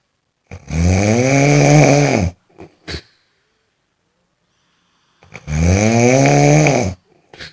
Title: Snoring sound effect, खर्राटों की आवाज, sonido de ronquidos, ronflement, ਘੁਰਾੜੇ ਦੀ ਆਵਾਜ਼, the thaat